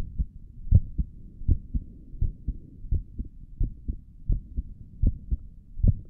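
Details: Own heartbeat recorded through a stethoscope on the chest for relaxing ASMR: steady lub-dub at about 80 beats a minute with soft low rumbling between beats, possibly stomach gurgles; normal heart sounds.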